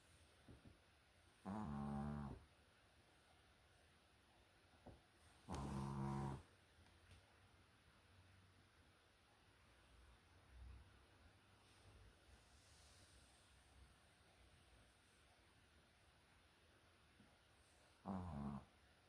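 Three loud rattling snores, spaced irregularly, over a quiet room hum; ordinary snoring.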